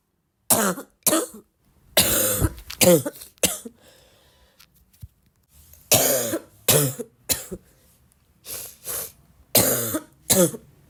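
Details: Girl with a bad barking cough: about ten harsh, hoarse, barking coughs in clusters with quiet pauses between.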